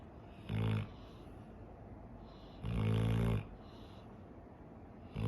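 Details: Eleven-year-old female dog, after swimming and walking outdoors: loud buzzing snores, two clear snores over background hiss of waves and birdsong; ordinary snoring.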